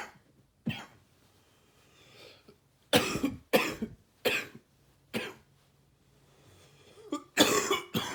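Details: Adult with a cold at the end of summer or start of fall: about six harsh, loose coughs in separate bursts, with a wet, gurgling, gaggy quality.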